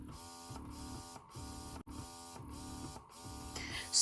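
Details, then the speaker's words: Quiet motor hum rising and falling in quick cycles of a little over a second: a Vital Baby electric breast pump running, with a cycle speed faster than a Spectra S1's. "So we have gotten to number 9. And the Vital Baby still has a faster cycle speed than the Spectra S1."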